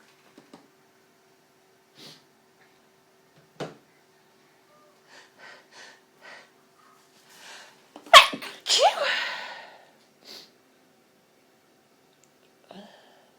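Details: Repeated sneezing after inhaling pepper from a smashed pepper pot: soft sniffs and breaths building to a loud explosive sneeze with a drawn-out voiced tail, then quiet breathing.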